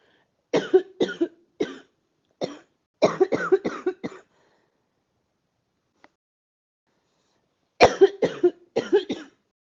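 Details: Two bouts of short, dry coughs, about fourteen in all, separated by a few seconds of silence; repeated coughing.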